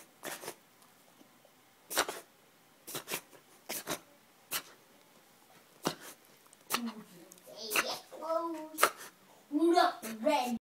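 A puppy makes a run of sharp, snorting bursts typical of reverse sneezing, with voiced sounds near the end.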